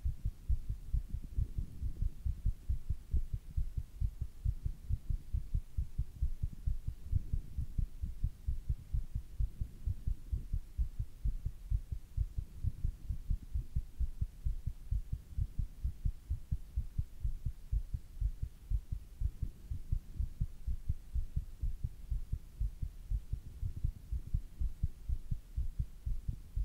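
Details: Fast, steady low thumping heartbeat of a male after doing squats: normal quickened heart rate after exercise.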